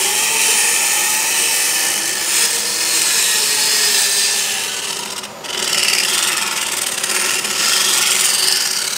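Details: Loud continuous grinding and rasping: a diamond-coated power dental float filing down a horse's tooth enamel during routine dental care; painless, though vibration may make it shake.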